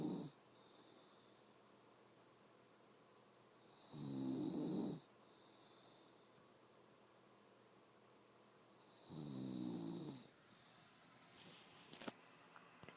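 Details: A mother snoring in her sleep: two long, buzzing inhaled snores about five seconds apart, roughly 12 breaths a minute, against quiet room noise.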